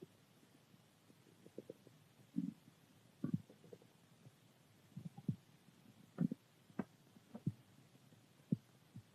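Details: Stomach growling, ordinary hunger-type: soft, irregular gurgles and low rumbling pops from the belly.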